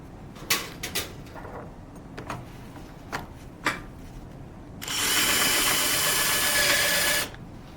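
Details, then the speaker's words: Surgical drill in a saw-bones model during a patellofemoral joint replacement: clicks and knocks, then about two seconds of steady high whine as peg holes are drilled fully through a trochlear drill guide secured with screws. "The drill for the pegs are done. It is important that we drill all the way in to the third."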